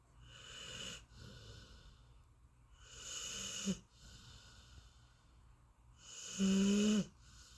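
Slow, airy breaths with a rough snore on each, one ending in a short whistling squeak, at about 20 breaths a minute.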